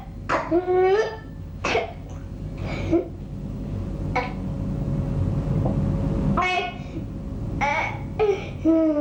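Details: Adult woman with a persistent cough for 3 months and whooping cough (pertussis) confirmed by blood test; repeated harsh coughs and throat clearing.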